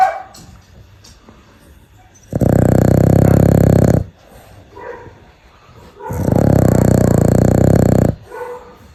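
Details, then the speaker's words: Sleeping female dog snoring: two loud, rumbling snores of about two seconds each, with quiet pauses between breaths. "今天给你们听一下丫头的呼噜声，接下来我就什么话都不说了，你们只需要静静听她打呼噜的声音。"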